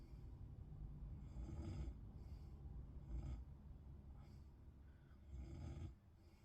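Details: Sleeper in someone else's bed: low rumbling noises every couple of seconds with sleep breathing; snoring.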